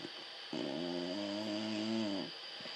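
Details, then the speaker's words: A dog snoring all night: a single drawn-out, buzzing, slightly whistling snore from the sleeping dog over steady room hum. "all night I had to listen to this shit."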